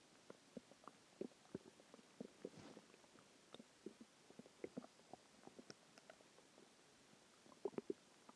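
Frequent soft gurgles and clicks with occasional longer rumbles; normal active bowel sounds a few hours after a meal.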